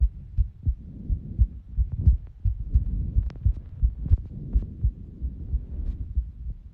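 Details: Recording of one's own heartbeat: steady low thumping with paired lub-dub beats (S1 and S2), heard clearly over a soft low rumble.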